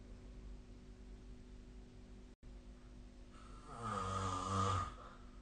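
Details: Sleep snoring recorded with the SnoreLab app: steady room hum, then one rough, vibrating snore on a breath.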